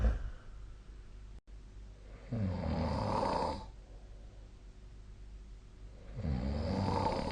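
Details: Snoring during sleep, recorded for a snore-tracking log.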